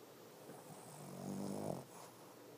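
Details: Female Boston Terrier napping, snoring: one loud, buzzy, rattling snore on an in-breath, with soft breathing noise either side.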